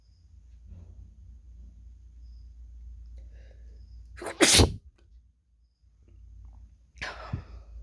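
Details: Wet sneezes from a wide nose: a sharp inhalation, then one loud, wet, explosive sneeze and a smaller second burst, over low background hum.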